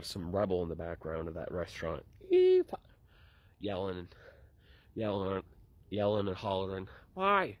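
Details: Woman with Tourette syndrome producing vocal tics within speech, in a comedic context; Tourette syndrome vocal tics.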